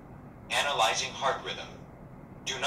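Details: Synthetic voice prompt from a training AED in a cabinet, guiding the rescuer through rhythm analysis and shock delivery.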